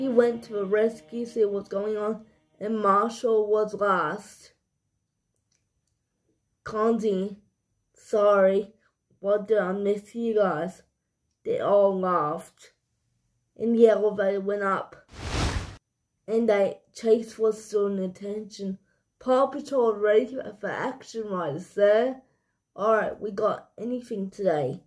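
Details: Young speaker telling a story; speech in cerebral palsy (dysarthria).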